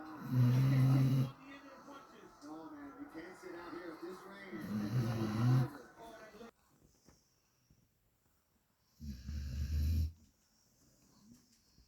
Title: didn't think a dog could snore this loud